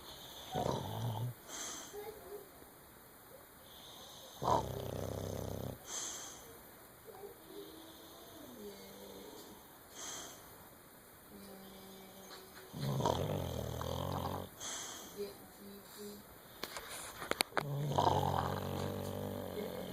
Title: Bentley Snoring